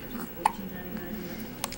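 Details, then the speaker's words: Swaddled newborn girl with her first hiccups, lying calmly: two brief, sharp catches of breath about a second apart over quiet room noise; infant hiccups. "Your first hiccups, girl. It's already growing."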